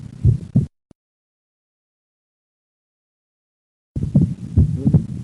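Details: Patient breathing in and out on instruction during auscultation. Split second heart sound with right bundle branch block.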